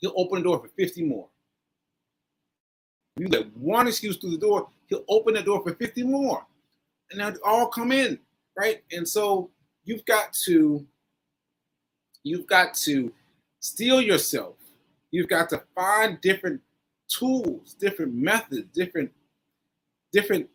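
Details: Aphasia in a man after a stroke on 7/14/22, recorded nearly a year later (7/4/23), with word-finding pauses and fillers.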